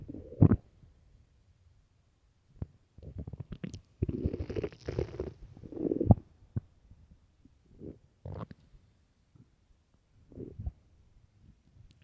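Irregular low gurgles and rumbles come and go in a quiet room, the ordinary sound of gas and fluid moving through the gut.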